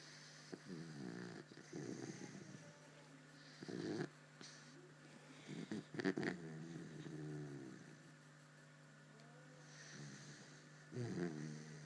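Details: Someone sleeping soundly and snoring audibly: soft, irregular rumbling snores with snuffling breaths over a steady low room hum.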